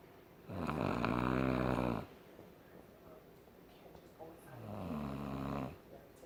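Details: Sleeping adult woman: two long, loud, rattling snores on breathing in, with quiet breaths between them; ordinary snoring.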